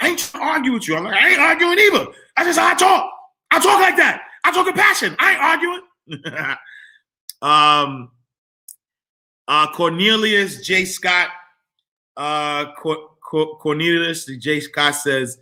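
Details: Adult man whose stuttering began in childhood and persists when he talks fast or is excited; he says it is occurring now.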